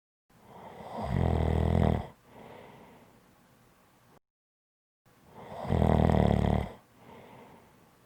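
Two loud, rattling inhaled snores, each followed by a quieter breath out; steady, deep sleep snoring.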